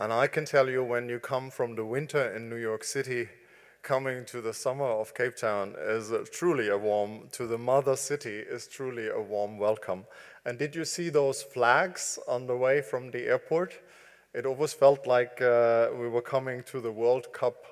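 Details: Adult man speaking; typical speech.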